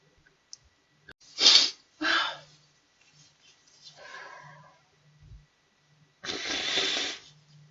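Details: Young Chinese woman with allergy, possibly rhinitis (asks for rhinitis medicine): two sharp, wet sneezes in quick succession, a pause with sniffing, then a third sneeze in a quiet room.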